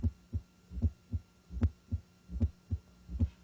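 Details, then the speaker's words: S4 gallop in a health assessment demonstration: regular low heart sounds at about 75 a minute, with a soft extra sound just before the first heart sound. "especially note the timing of heart sounds in relation to the cardiac cycle and stay for abnormal heart sounds such as s3 or ventricular gallop which may be a cardinal sign of heart failure and s4 or summation galloping"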